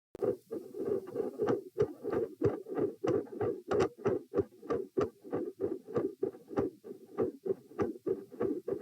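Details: Doppler probe at position P during a lying-sitting-standing-lying posture stress test, edited with some skips: rhythmic whooshing heart signal about 95 a minute, with multiple heart murmurs filling the beats.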